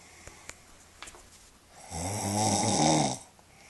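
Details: Person asleep in a quiet room: one long, buzzing, rattly inhaled snore lasting about a second.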